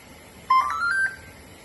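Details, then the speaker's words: Short rising sequence of three electronic tones from an Airvo 2 high-flow nasal oxygen machine, signalling that its start-up checks are finished and it is ready to use, after the flow was set (55 as an example). "the machine is still doing its checks and you will hear a three turn alarm when it's ready to use"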